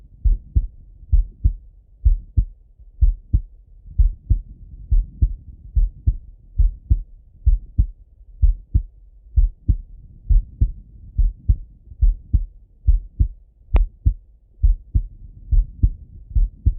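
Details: Male, heart auscultated by stethoscope while sitting at a desk or lying in bed: steady paired low lub-dub thumps at about 65–70 beats a minute, normal heart sounds.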